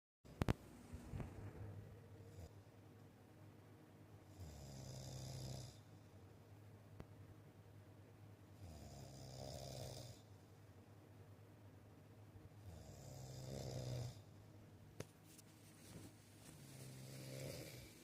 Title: OMG snoring!! Anyone else have this issue?😡 🤣😭😂 #shorts #snoring